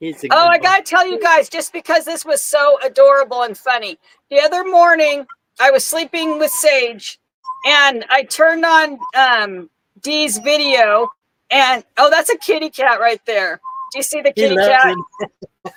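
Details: Adult woman speaking; normal speech.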